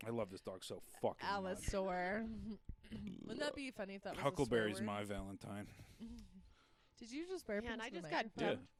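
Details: Adult speakers in casual conversation; no speech disorder.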